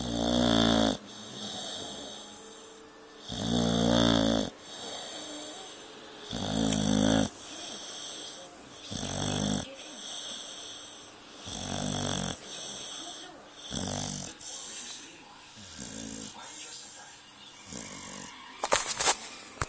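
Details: Sleeping pit bull: loud rattling snores on each in-breath, about seven in twenty seconds, quieter out-breaths between; snoring.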